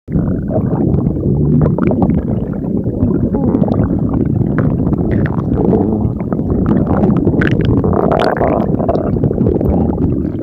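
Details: Dog's belly: continuous loud, low gurgling and bubbling rumble; stomach growling (borborygmi).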